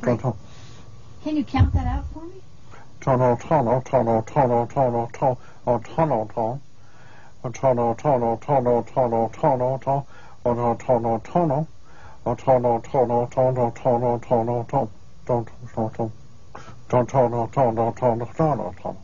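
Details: Fluent speech with phonemic paraphasias and perseverative repetitions; conduction aphasia.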